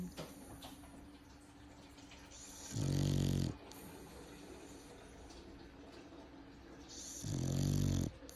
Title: Snoring Exotic Bully